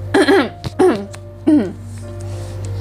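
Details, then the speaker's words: Three short voiced throat clears from an adult woman with a still-scratchy throat, just recovering from a cough and flu, over soft background music. "masih s-srek. Baru aja mau sembuh dari batuk."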